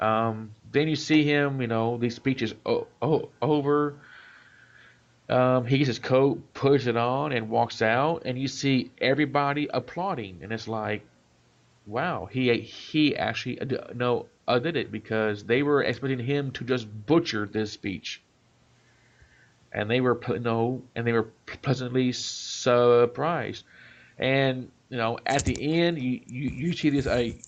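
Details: Adult man, self-described stutterer; part-word and whole-word repetitions; stuttering.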